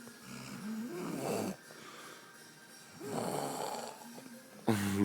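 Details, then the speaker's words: Adult man asleep, out cold the morning after a night out, loud rough snores on each inspiration with quieter pauses; friend says it sounds like he'll stop breathing; heavy snoring. "It's not stop snoring, man. It's doing it weird as. Sounds like you're gonna stop breathing, cunt."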